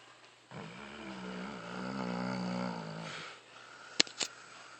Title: Dog snoring